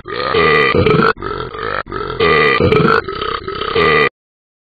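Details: Talking Ben the Dog app, an animated game character and not a real animal or person: a loud run of deep, gurgling burps in about five bursts.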